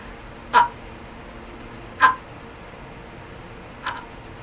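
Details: Demonstrated (acted) stuttering with hard glottal attack: a hard, tense repetition on a word-initial vowel, produced as an example before practicing an easy onset fluency technique.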